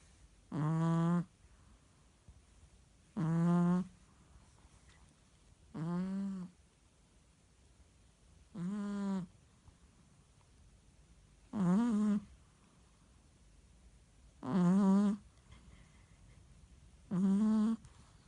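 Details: Merle Chihuahua sleeping, with seven tonal snores over about 18 seconds (roughly 23 a minute), one with each breath in; ordinary snoring in a sleeping small dog.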